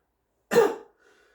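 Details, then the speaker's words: One short, dry, forced voluntary cough on request from a male patient in a student nurse's head-to-toe assessment, then quiet; no rattle or wet sound; normal voluntary cough. "I want you just take a cough do you feel like any sputum or mucus or anything come up when you do that"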